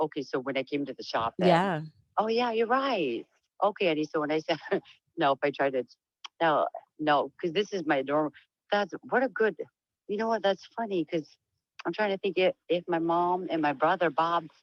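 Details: Woman with diagnosed Huntington's disease; voice noted as low and much changed from before, she reports sometimes stuttering, and tends to lose topic and trail off; hyperkinetic dysarthria with fragmented speech (Huntington's disease).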